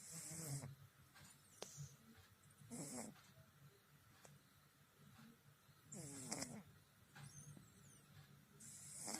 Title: Looking at our 😍.He is snoring like a tiger 🐯😀